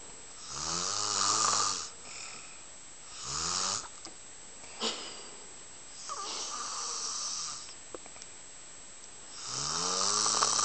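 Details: Motionless napper on a couch snoring continuously: loud rattling snores alternating with hissing, airy breaths, four to five cycles over ten seconds.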